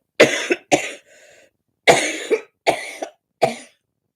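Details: Adult with a bad cold, cough and chest infection: five harsh coughs in two quick bouts, each with a sharp onset; a wet cough.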